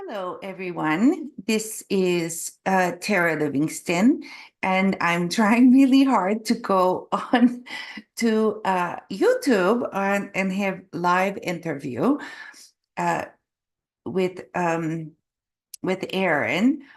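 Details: Adult Canadian woman with aphasia and apraxia of speech after a stroke in November 2023; foreign accent syndrome began after a further hospital episode in February, an accent she calls Eastern European; foreign accent syndrome with aphasia and apraxia of speech.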